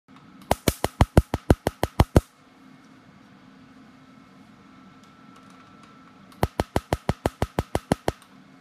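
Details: Tattoo removal laser fired in short bursts, which help some clients cope with the sting, while lasering the black ink first: two bursts of about ten sharp, rapid snapping clicks each, separated by a quiet pause.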